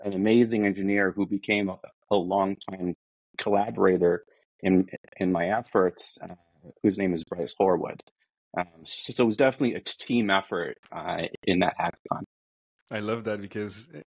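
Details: Adult man who states he is a person who stutters; stuttering.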